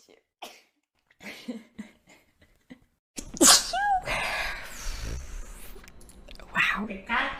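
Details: Girl sneezing, tagged allergies and sinuses: quiet speech, then one loud forceful sneeze followed by a few smaller sneezy breaths; sneezing.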